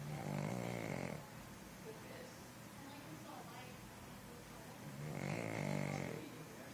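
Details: Pug snoring with eyes open: loud, rough, fluttering snores on two breaths with noisy breathing between, over room noise; snoring.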